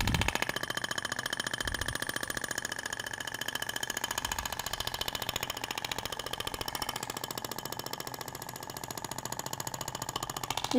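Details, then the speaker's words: Radial shock wave therapy applicator (Thork, ESWT) firing on the abdomen in zigzag, avoiding ribs: rapid, steady rattling taps about fifteen a second; tissue visibly vibrates. "você vê que até o tecido vibra né Na hora que você tá aplicando deposita o peso do aplicador na P isso eu tô fazendo um zigue-zague no tecido"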